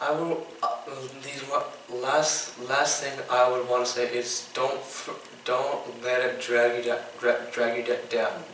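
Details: 15-year-old boy with Tourette syndrome diagnosed by a neurologist in third grade, whose tics include stuttering when talking, blinking, coughing and mouth noises; stuttering-like disfluency (Tourette syndrome)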